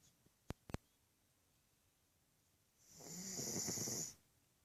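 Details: Female pug snoring extremely loudly while asleep: a loud, hissing, rattling breath lasting over a second after a few clicks.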